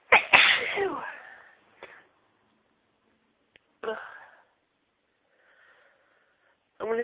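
A loud explosive sneeze followed by further short sneezes and brief spoken sounds, part of a sneezing fit.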